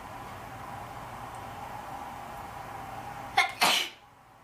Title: Induced Sneezing #2